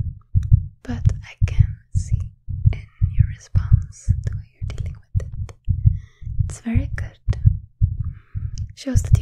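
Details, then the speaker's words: Simulated ASMR heart exam of a star athlete, stethoscope on chest with shirt lifted: steady, strong heartbeat about 113 per minute, described as a little faster now, with soft whispering; normal heartbeat at faster rate. "let's listen to your heart again okay so and you lift up your shirt again please I think yes it is a little bit faster now"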